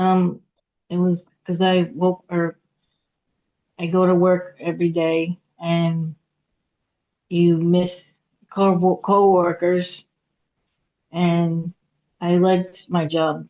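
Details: Aphasia in a woman after a hemorrhagic stroke at age 36 (September 2018), with difficulty getting her point across, reading and writing; she could not talk for 2 years and had 2 years of speech therapy.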